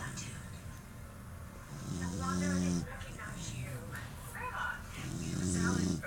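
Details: A sleeping puppy, owner suspects a deviated septum, snores with low buzzing snores about twenty a minute over background noise.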